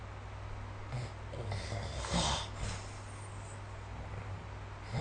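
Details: Snoring recorded with the SnoreLab smartphone app: a single rough, snorting sleep breath over a steady low room hum.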